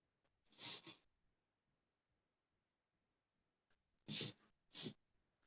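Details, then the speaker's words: Pet dog reverse sneezing at home, with two pairs of short, sharp snorting bursts through the nose; owner asks if it's having trouble breathing and thinks it's trying to reverse sneeze. "Are you you're trying to reverse sneeze, it sounds like."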